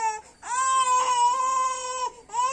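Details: Sustained, steady-pitched wailing cry from a young boy, with brief pauses for breath between cries: child crying.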